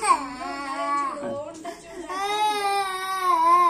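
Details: A young child cries with sustained, wavering sobbing wails in a small room.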